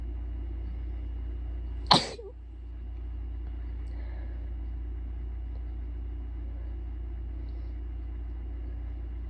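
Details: Single sharp sneeze from an adult, self-induced by blowing the nose with lotion-scented tissues and followed by coughing, over steady low rumbling background noise.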